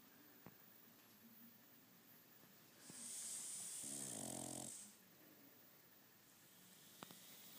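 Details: Sleeping pug dog snoring: one buzzy, fluttering snore against quiet room noise.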